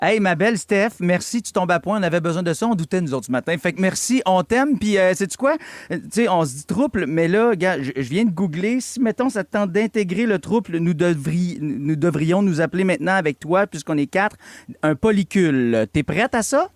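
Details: Adult radio host; normal speech.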